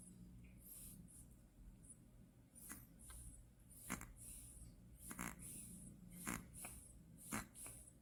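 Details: Soft, irregular snorting breaths with snuffly noises from a sleeping newborn in a postpartum care centre; ordinary newborn snoring.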